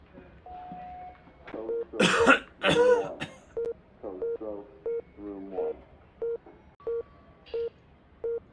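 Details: Simulated patient with fever, cough and myalgias, history of leukemia and COPD: two harsh wet-sounding acted coughs over steady monitor beeps and hospital overhead announcements: cough.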